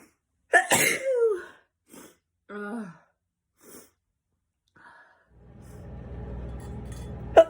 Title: Collection of sneezes